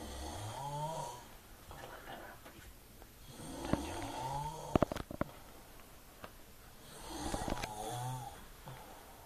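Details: Heavy snoring: three loud, rough, rumbling snores with a whistling edge at about 20 breaths a minute, with brief clicks and quiet room noise between.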